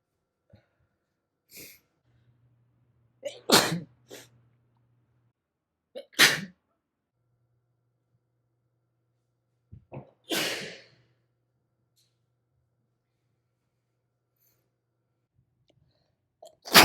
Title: Natural sneezes compilation